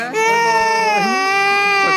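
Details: Low-birth-weight (premature) infant aged 8 months 18 days (day 262), woken from sleep after breastfeeding in mother's arms, gives loud, sustained, strong wailing cry — very grumpy, fussy crying after being woken.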